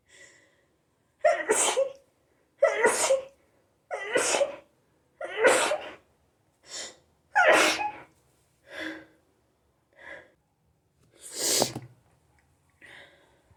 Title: Hayfever sneezing attack!